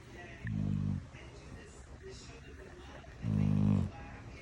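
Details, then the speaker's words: Little girl snoring in sleep after a stress-filled day: two loud, buzzing, rattly snores about three seconds apart over quiet room noise. "Such a sound came out of such a little girl."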